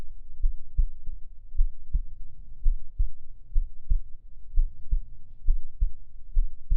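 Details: Recorder's own heartbeat, recorded as heartbeat ASMR: steady, regular, low paired thumps at roughly 85 beats a minute, with a soft muffled rumble behind them: normal heartbeat.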